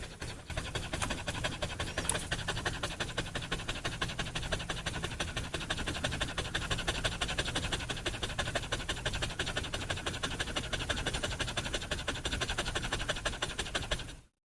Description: A dog panting and breathing very fast and hard. Dog having a hard time breathing.